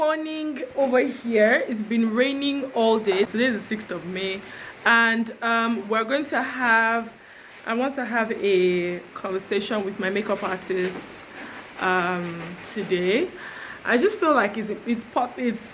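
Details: Adult woman; typical speech.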